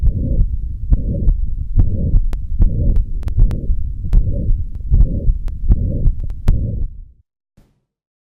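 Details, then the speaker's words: Mitral stenosis heard with the stethoscope bell, patient turned to the left lateral position: a low-pitched rumbling mid-diastolic murmur with presystolic accentuation. "x the most unmistakable component in the diagnosis of mitral stenosis is the mid diastolic murmur which is her with the bill of the status quo the patient turn to the left lateral position if you here long enough the typical priest is Tillich accentuation and the low-pitched rumbling metallic mama can be clearly heard"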